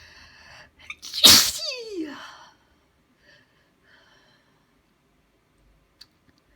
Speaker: Gonna sneeze again. Gonna sneeze. Gonna sneeze. I'm gonna sneeze.